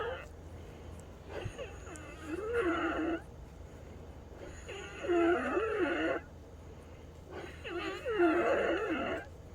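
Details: Lung sounds of a female patient with wheezing recurring about 5½ hours after her last as-needed DuoNeb treatment: loud, musical, multi-toned wheezes with each breath, about 20 a minute, typical of narrowed airways.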